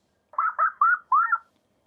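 Four brief, muffled, thin laugh bursts, almost whistle-like, with the deep and crisp parts stripped away: a simulated laugh as heard with moderate hearing loss.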